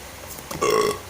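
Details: Burping: one short, loud, voiced belch with a deep rasping tone after a brief lead-in.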